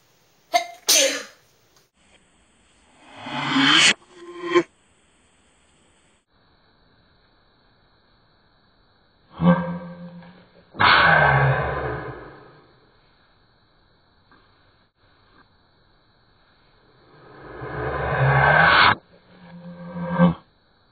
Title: Super Sneeze